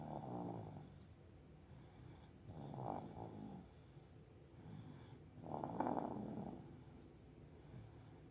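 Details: Three rough, buzzy snores on the in-breaths, roughly every two and a half seconds, with a faint steady hum behind: ordinary snoring during sleep.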